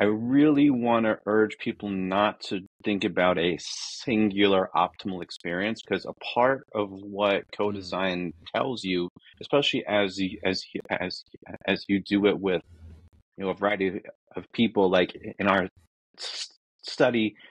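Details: Adult man who says he is a person who stutters, real and not a recording artifact; this stretch has repeated words; stuttering.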